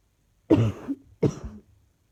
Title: Coughing still